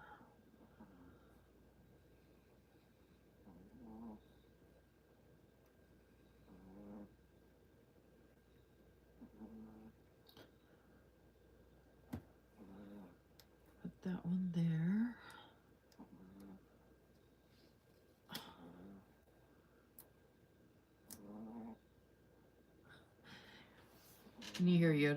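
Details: Soft, low snoring sounds repeat about every three seconds, with occasional clicks and rustling from nearby handling.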